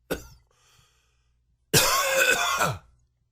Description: New coughing fit.